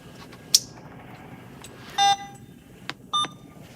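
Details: Alaris 8100 large-volume pump module in a training demo, pressing start on a secondary cefazolin infusion at 100 mL/h: a click, then two short electronic beeps in a quiet room; infusion pump start beep.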